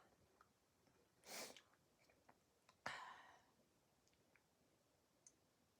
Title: Three cold sneezes